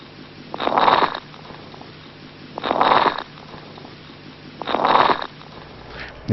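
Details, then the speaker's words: Crackles (crepitations), taught as the sound of lung disease: three noisy breaths through a stethoscope with fine crackling pops on inspiration. "crackles are crepitations they're the sound of lung disease"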